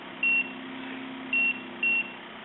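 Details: SeQual eQuinox portable oxygen concentrator: three short, high electronic beeps over a low steady hum, button tones as therapy settings such as rise time or bolus delivery speed are adjusted.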